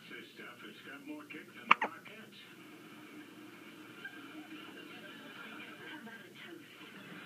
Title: More hiccups